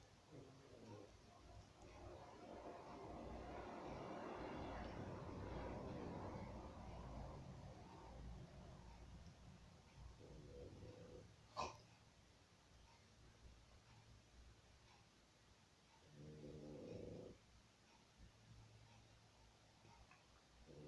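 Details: 8-month-old female English Boston bulldog, flat-faced breed, struggling and gasping for each breath with strained snorting, honking upper-airway noise, affecting eating and drinking and overheating; laboured noisy breathing (brachycephalic airway obstruction).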